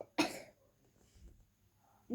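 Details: 10-year-old girl coughing and laughing while reading a book aloud: one sharp, harsh cough burst, followed by quiet room sound and a faint voice starting at the end.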